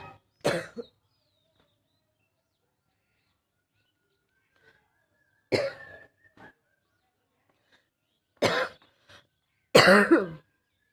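Four short, harsh, abrupt coughs separated by silence, with a hoarse, barking quality.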